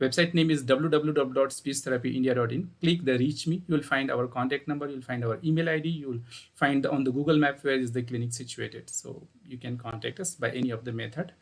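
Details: Adult man speaking; normal voice.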